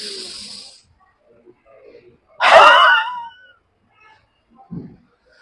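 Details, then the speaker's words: Adult pulmonologist demonstrating huff coughing (forced expiration technique) while seated, for clearing sputum in COPD, asthma, bronchitis, bronchiectasis; huff cough. "మరియు మీకు half coughing చూపిస్తాను దీన్ని మీరు normal గా తీసుకొని బ్రీత్"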